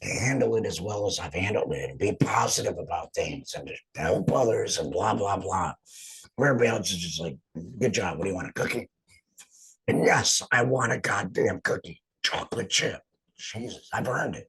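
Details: Man after total laryngectomy; finding: alaryngeal speech after total laryngectomy.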